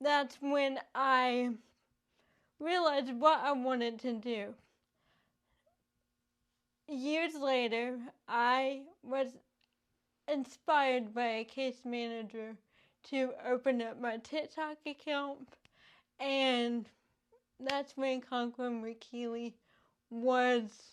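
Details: Adult woman with cerebral palsy affecting her speech; finding: dysarthria (cerebral palsy).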